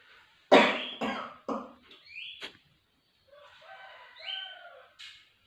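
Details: Acted nursing-student demonstration teaching a patient deep breathing and effective coughing to clear phlegm: three short forceful coughs after a deep breath, then quieter throat sounds.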